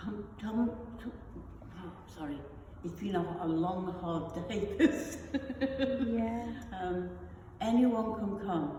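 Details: Non-fluent aphasia after a stroke in an adult woman; non-fluent aphasia.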